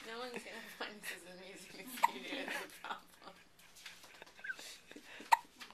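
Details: Talking interrupted by two sharp, abrupt gulping clicks about three seconds apart from a child; hiccups.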